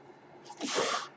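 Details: The podcaster's own mechanical ventilator: a brief rising then fading airy whoosh, a puff of air as it delivers a breath.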